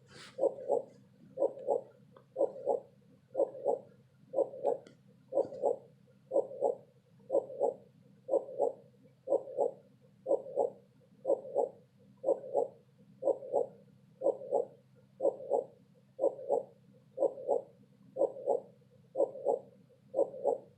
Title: Heartbeat sound with color changing cloud to fall asleep